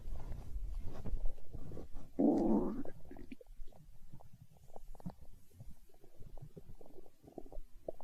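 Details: Stomach growling (borborygmi) recorded for ASMR, tagged as hunger sounds: low gurgling and rumbling with one louder growl, then soft bubbling, from gut movement.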